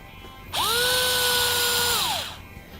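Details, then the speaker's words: Steady high motor whine for under two seconds, then winding down: powered drill inserting an intraosseous needle into the flat tibial surface for emergency vascular access, stopped at loss of resistance. "i stopped drilling the moment i felt a loss of resistance then i'm going to remove the drill and the style it"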